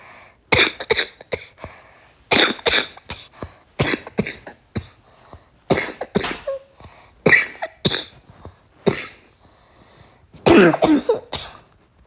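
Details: Someone with congestion gives repeated cough bursts in short clusters with a loose, congested quality: wet cough.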